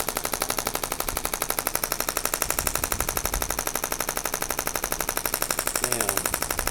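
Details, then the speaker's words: Shockwave therapy on a man's lower back during chiropractic treatment, second-highest head, comfort setting ramping up, ending at 3.5 of max 5: rapid, very regular mechanical tapping pulses at about four per second. "So it's on a comfort setting right now. It's basically ramping up to what I put it at."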